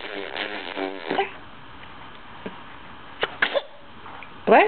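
A voiced build-up ending in a short burst, with brief vocal sounds after; an ordinary sneeze.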